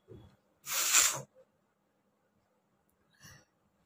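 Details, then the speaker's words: Sneezing from a person with a cold who has been sneezing constantly for 2-3 days, with watery eyes: a quick breath in, then one loud, sharp, hissing sneeze and a softer second burst a few seconds later, in a quiet room. "আজকে অনেকগুলোই কিন্তু হ্যাচ্ছো হলো, অনেকগুলোই হয়েছে।"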